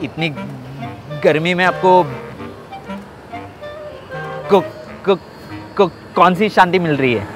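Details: A male prankster deliberately faking a stammer to irritate members of the public, with repeated initial syllables; finding: stuttering (imitated).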